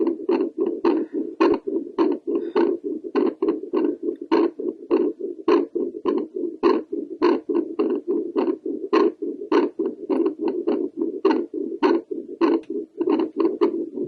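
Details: Doppler recording of a woman's own heartbeat after doing squats to raise her heart rate: rapid, regular whooshing pulses at about 100 beats a minute, a normal rise in heart rate with exercise.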